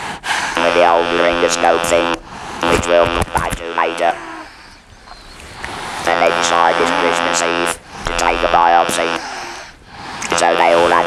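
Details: Electrolarynx speech with buzzing voice quality in a man after total laryngectomy and radiotherapy for laryngeal squamous cell carcinoma.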